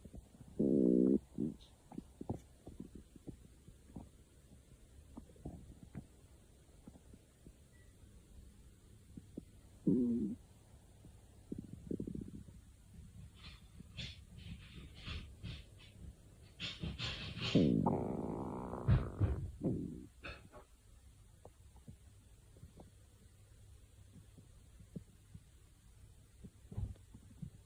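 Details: Stomach growling: bursts of gurgling, rumbling bowel sounds with quiet stretches between.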